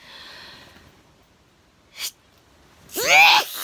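A quick breath in, a pause, then one loud, voiced sneeze. This is an ordinary sneeze.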